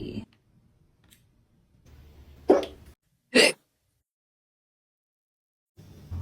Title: Cat hiccups#funny #cat #fyp